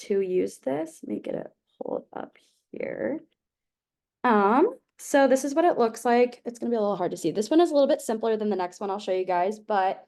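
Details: Adult woman speaking; typical speech.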